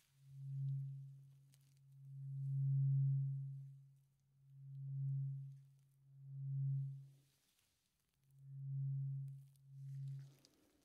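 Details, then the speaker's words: Simulated ASMR ear-exam roleplay, tuning-fork hearing check of both ears: six soft, low, steady hums from a struck tuning fork, each swelling and fading. "d last, tuning fork. And how do you feel about this one? Do you hear equally good with both of your ears, or is there any difference that worries you?"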